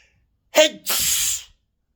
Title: piggy sneezes